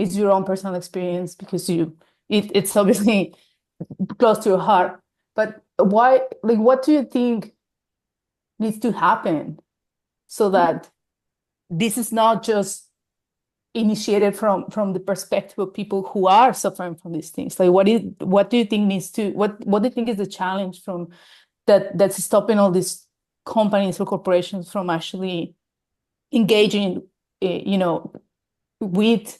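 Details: Adult woman speaking; normal speech.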